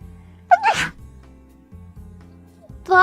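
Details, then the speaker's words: Deliberately held-back sneeze, the first in six months: a sharp intake then a short burst of air over faint background music; ordinary sneeze. "I told you though, I was holding back. I'm not gonna release my full sneeze power. that was me holding back my sneeze."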